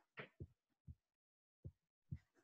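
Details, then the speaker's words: Simulated slow heartbeat from an anatomy app's beating-heart model with adjustable beats per minute, set to a slow rate: soft, low, widely spaced thumping heart sounds. "I don't know if you can hear the sound but there is the heartbeat sound you can adjust the beats per minute so obviously this is this is pretty slow"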